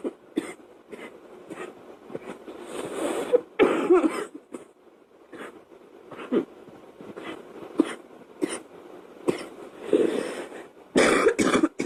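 Repeated short throaty cough bursts and throat clearing, some in quick runs, with a few longer harsh coughs; a plain cough.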